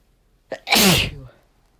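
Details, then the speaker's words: Person sneezing from dust after two days of cleaning, not otherwise allergic; sneezes described as chesty. A quick indrawn breath, then one loud, explosive burst of air: a single forceful sneeze. "something about the dust that i've been cleaning uh has really just been setting me off and so fo"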